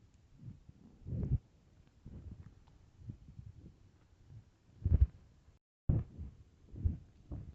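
Low, deep rumbles and gurgles in irregular bursts. Ordinary bowel sounds from gas and fluid moving through the gut.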